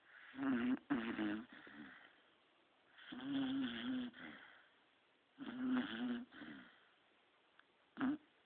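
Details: Sleeping 3-year-old female beagle snoring loudly: three rhythmic, nasal, buzzy snores about one every three seconds.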